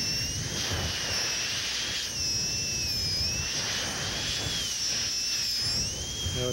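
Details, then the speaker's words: High-speed dental handpiece, used with a light touch, rounding the lingual of a maxillary second bicuspid during preparation for a porcelain-fused-to-gold veneer: continuous high-pitched whine, pitch wavering as it cuts tooth. "again trying to use I speed and a light touch I will round this lingual"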